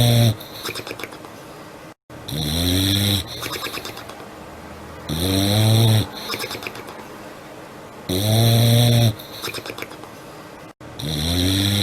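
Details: Milo snoring: loud, regular snores with a rising, whistling vibration on each breath in, about 20 breaths a minute; steady sleep snoring.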